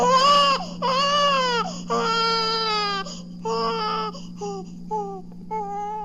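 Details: A hungry young infant cries normally, from a 1967 recording of baby sounds.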